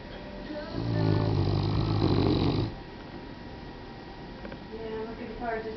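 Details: Great Pyrenees dog, female, snoring while asleep and dreaming in the morning: one loud, deep, rumbling snore, then quieter breathing and faint background sound.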